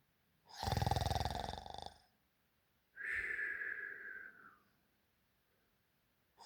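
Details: Loud human snoring at night: rattling snore on each in-breath, then a hissing, whistling out-breath, with quiet between breaths; heavy snoring, offered as a realistic snoring sound effect.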